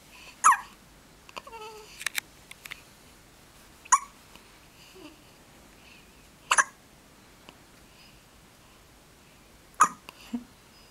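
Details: Baby hiccups: four sharp, sudden hiccups at irregular intervals of roughly three seconds, in a quiet room with faint babbling.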